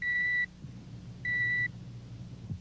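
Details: Two steady high-pitched pure-tone beeps over low room hum, each under half a second: audiometer test tones through earphones, decibel level reduced until the patient stops responding, in a dramatized otologist hearing examination from a medical TV series.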